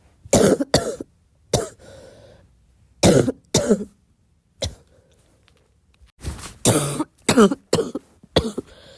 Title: my cough is getting wet